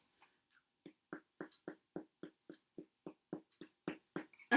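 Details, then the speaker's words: About a dozen short, hollow, drum-like taps at a steady pace over the abdomen in a nursing percussion demonstration on an assistant: tympany, the percussion note over the abdomen. "okay and then the last sound that you're gonna hear is called timpani and this is over um liquids"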